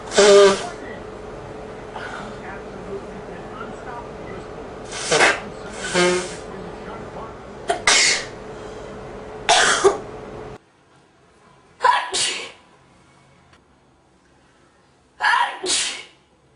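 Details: Male sneezing and blowing his nose: several sharp sneeze bursts and forceful nose blowing, with a steady hum behind the first part.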